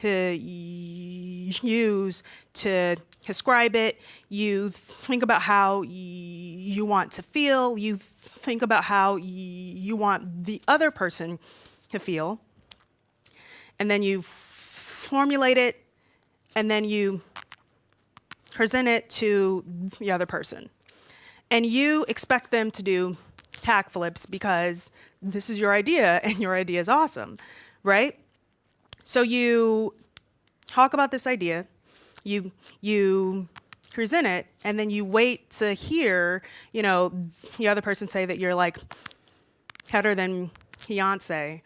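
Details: Stuttering in an adult woman who says she stutters far more when nervous, as when presenting in front of a room full of people.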